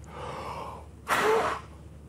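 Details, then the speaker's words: Peak flow meter demonstration, third repeated blow: a deep breath in, then one short, forceful maximal exhalation into the meter, reaching 670 litres per minute. "get the patient to take a deep breath in okay so i've managed to increase by 10 liters per minute i'm happy with that but i need to do one more uh blow to make sure that i've we're happy with that and i want to see if i can get to that 650. so here we go"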